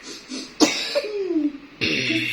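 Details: Two loose, rattly, wet-sounding coughs from a child with a cough that the mother describes as wet, with soft background music.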